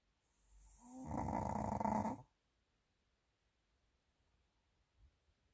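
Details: Pomeranian dog sleeping heavily: a single loud, rough, rumbling snore lasting about a second, then quiet breathing; snoring.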